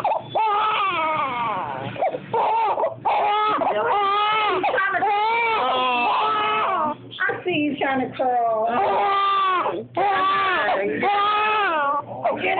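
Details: Infant girl (Lynnae) during tummy time, disliking it: sustained, loud crying in long wailing bouts with brief catch breaths between, in a small room; ordinary fussing infant cry.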